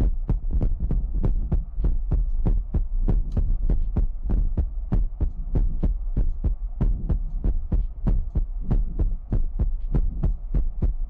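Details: ASMR recording of a heartbeat sound: rapid, steady low thumps in paired beats at about 100 per minute, with a faint hum behind; heartbeat.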